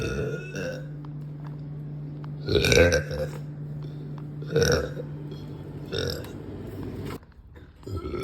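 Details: Several deep, loud burps from an adult woman after lunch, with a steady low hum in the background; belching.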